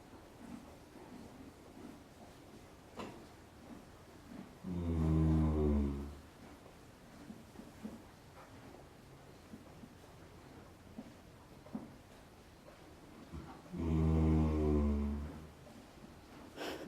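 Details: Animal sleeping happily in her stall: two deep, rumbling snores about nine seconds apart, with quiet room noise between; snoring.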